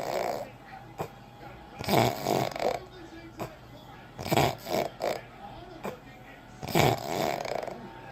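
Repeated rough, rattling breathing sounds in sleep, roughly every two to three seconds, with faint background noise; snoring.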